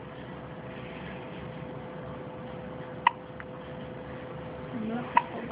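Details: Newborn, 14 hours old: two brief, sharp hiccup sounds about two seconds apart over steady background hiss; hiccups.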